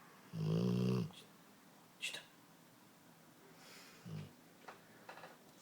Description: My Dogue snors =)